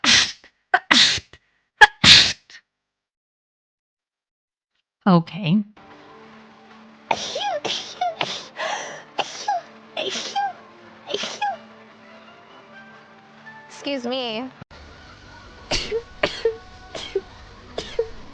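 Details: Women sneezing during live streams: bursts of quick sneezes in series with short speech between and some background music: rapid repeated sneezing.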